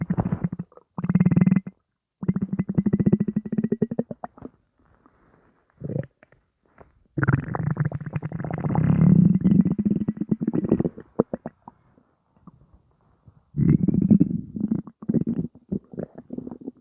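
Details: Stomach rumbling (borborygmi) from gas alone: long, loud gurgling and rumbling bursts with quiet gaps between them.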